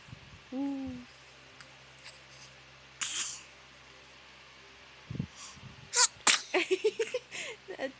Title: sneezed! Omg! 😂